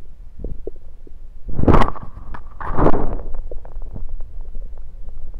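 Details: Bowel sounds heard through a stethoscope placed around the belly, recorded mainly to show stethoscope placement: low gurgling rumbles with a couple of louder bursts; ordinary bowel sounds.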